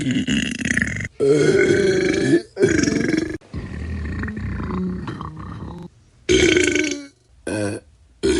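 A run of loud, long, deep croaking burps with short gaps between them, from a sound-effect compilation.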